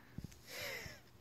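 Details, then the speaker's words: Adult mother with long-standing asthma during an asthma attack: a single noisy, effortful breath with a faint whistling wheeze after soft thumps; laboured wheezy breathing. "hi everyone it's me this is what it's like to have an asthma attack"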